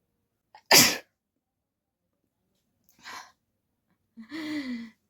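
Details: Woman sneezing on purpose for a sneezing challenge, tickling her nose with a folded piece of paper, no hanky: one sharp, loud sneeze, then a soft breath and a short voiced sound.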